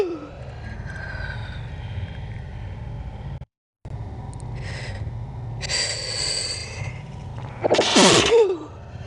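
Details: Slowed-down recording of a sneeze: a drawn-out inward gasp followed by a loud, stretched burst over a steady low hum.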